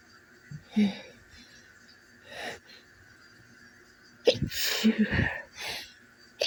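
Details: Repeated morning sneezes on waking, each with a sharp inhaled build-up and an explosive burst, with soft breathy sounds in between.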